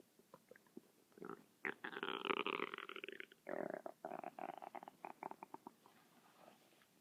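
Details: Persistent stomach noises that keep going for about 6 minutes without stopping: borborygmi, bowel sounds.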